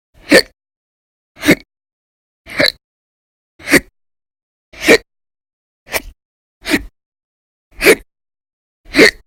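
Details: Persistent hiccups recorded in December 2019, with episodes lasting about 10–13 hours a day and described as violent and very loud. Nine sharp, loud gulping catches about once a second, roughly 52 a minute.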